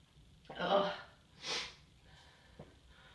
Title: itchy morning sneezes